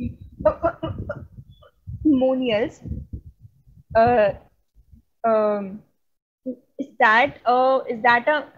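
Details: Real stuttering in a woman from India who stutters, a stammering-association member giving a conference talk on women and stuttering: stuttering.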